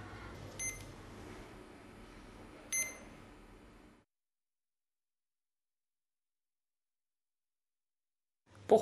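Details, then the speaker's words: Legacy PCA morphine pump running its self-test after AA batteries are inserted, scrolling the last saved settings: two brief high electronic beeps a couple of seconds apart, then silence. "À ce moment, la pompe effectue un autotest qui correspond sur la pompe à un défilement des derniers paramètres enregistrés."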